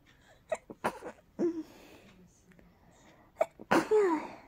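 A run of quick, short sneezes with catchy inhalations between them; a rapid sneezing fit.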